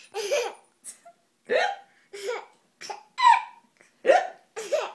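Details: Young boy laughing at his dad: laughter breaks into short bursts with sudden catching gulps between them, hiccups mixed with giggling.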